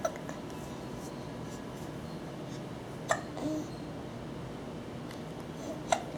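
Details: 3-month-old baby boy with hiccups: quiet room with a few sharp, brief catches spaced seconds apart, consistent with infant hiccups.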